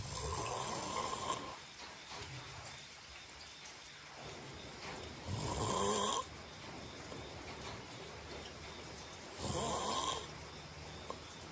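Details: Three buzzing snores about every four seconds, roughly 15 a minute, over steady room hiss; regular snoring during sleep.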